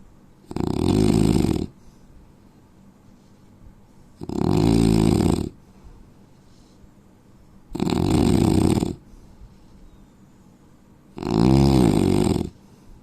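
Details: Loud, rough, rattling snores on each breath in, about five in thirteen seconds, with quiet breathing out between them, from an Indian man; snoring.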